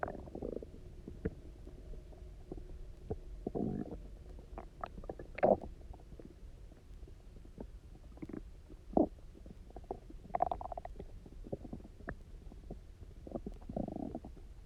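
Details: Stomach growling (borborygmi) after about 24 hours of eating almost nothing, then drinking lots of water while lying on the side: irregular gurgling rumbles and squeaky bursts, roughly 17 a minute, normal hunger sounds.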